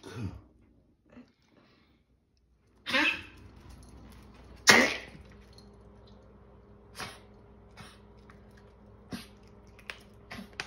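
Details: Female dog coughing around 9:15pm, about five minutes after an episode of heavy, odd breathing and daze that followed sleeping in bed; owner asks whether it is heart-related. Two harsh, forceful coughs, then softer scattered hacks.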